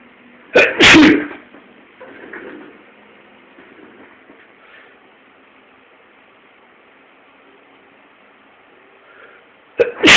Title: Sneezing 2